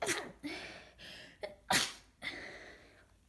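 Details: Congested, snotty head cold of a few days: short breathy sniffs and intakes build to a sharp sneeze burst, then more congested sniffling; sneezing with sniffling from a common cold.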